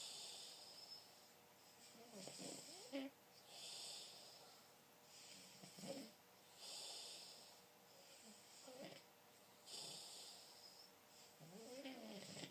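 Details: Snoring during sleep: repeated rough, rattling breaths, about 20 a minute, uneven in strength.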